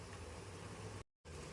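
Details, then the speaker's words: Mini nebulizer bought online, tested at increasing mist settings (one to three, three giving the most mist): steady low hum with a hissing wash of noise, briefly cut off and restarting; nebulizer running. "Guys, testing na natin kung mausok. Malakas ang usok."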